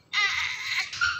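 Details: Female newborn weighing 3.5 kg, being discharged to her mother after a NICU admission for a serious disorder (meningitis and RDS mentioned): a brief, high-pitched wail, one sustained cry with a short second burst.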